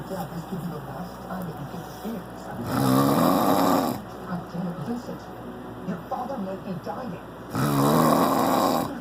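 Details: Snoring in the dark: two loud, rattling snores a few seconds apart over a running fan and faint background talk.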